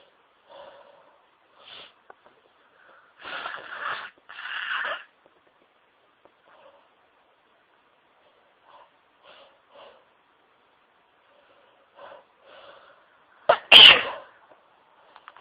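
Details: Sneezing fit after dusting: quiet sniffs and catching breaths, two snorting bursts, then one loud explosive sneeze near the end.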